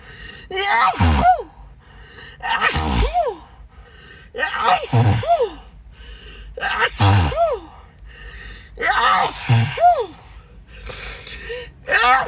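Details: Acted, announced sneezing fit; the speaker apologises, says the nose tickles and tingles and suspects an allergy: about six loud sneezes, each after a rising gasp, roughly every two seconds.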